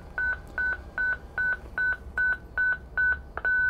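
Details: Zoll X Series defibrillator charging to 150 J for a shockable rhythm on a training simulator, in manual mode: rapid regular high beeps, about two and a half per second, before the shock is delivered.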